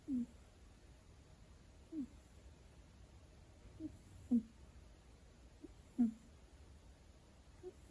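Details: Male munchkin kitten born June 2020, sleeping: soft, high squeaky snores with most breaths over quiet room hiss, gentle cat snoring.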